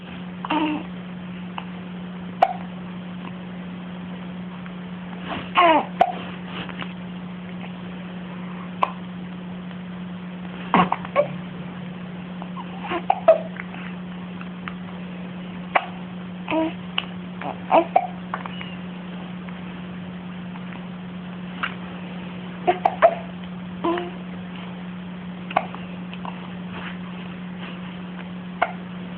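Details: Baby with hiccups: brief, sharp catching sounds every few seconds, ordinary infant hiccups.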